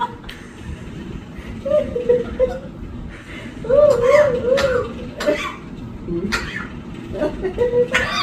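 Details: Parakeet coughing: several short, sharp cough-like bursts mixed with squeaky chirps over low rumbling background noise.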